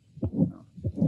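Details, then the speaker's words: Systolic ejection murmur, detached from S1, in a newborn: an obstructive (outflow) murmur, not regurgitant, consistent with pulmonary stenosis; teaching case raising possible tetralogy of Fallot given enlarged right atrium and uplifted apex. "c'est un souffle et gestionnaire de sa lancée c'est nécessairement à souffle d'obstacles ce n'est pas un sou de ces iv ce n'est pas un souffle de régurgitation"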